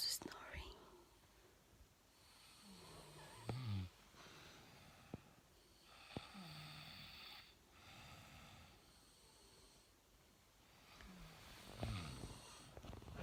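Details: Snoring: quiet, low rumbling snores recurring roughly every four seconds, about 15 breaths a minute, with faint room noise.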